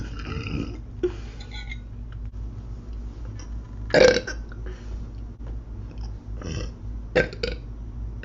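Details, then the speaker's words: Young woman eating: two or three short belches, one louder and throatier, with faint chewing and room noise between them; burping. "a little frog burp that was delicious"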